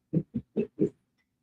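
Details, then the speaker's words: Sleeping pet, apparently dreaming, gives four quick, low, grunting snorts in under a second and a half; loud snoring. "Sorry for Teak snoring."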